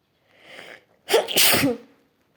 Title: sneezing face fit